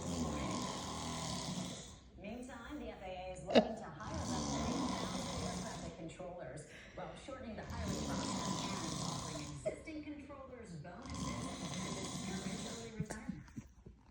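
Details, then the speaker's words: An adult man (the dad) snoring loudly, enough to wake a pomsky dog from its afternoon nap; rough snores on each breath, about four cycles in fourteen seconds, roughly sixteen a minute; snoring. "Your daddy loud. He woke you up, Pootie."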